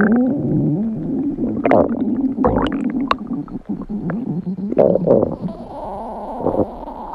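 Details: Low gurgling rumbles and bubbling squeaks from the belly; ordinary stomach growling (borborygmi).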